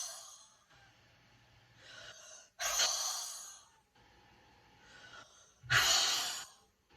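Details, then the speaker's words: Huff cough (forced expiration technique) for airway clearance by a woman with cystic fibrosis, whose lungs she says are clear that day. Two deep breaths, each followed by a long, forceful open-mouthed huff, sound dry with no rattle and bring nothing up. "You take a deep breath, and then you just huff it out until you have no more air left to give."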